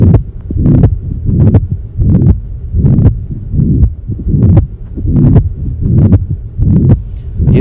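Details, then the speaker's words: Heart murmur played in a lesson on the cardiac cycle: regular heartbeat near 78 a minute with a rumbling, whooshing abnormal sound filling the gaps, compared with normal heart sounds. "आपने sound सुनी है कैसी है मरमर है थोड़ी ग गड़बड़ा सी sound है normal as compare to normally sound ठीक है"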